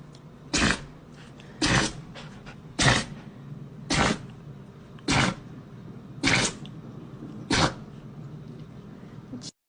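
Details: A dog gives seven short, sharp sneezes in quick succession, about one per second, with quiet breathing between: a run of repeated sneezing.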